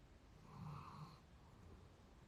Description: Cute tired doggy snoring while he sleeps.